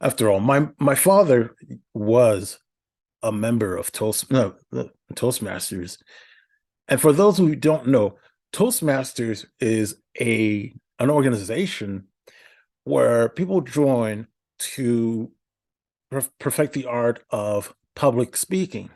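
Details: Adult man with a speech impediment for about a decade, attending therapy at the Institute for Stuttering Treatment and Research: stuttering.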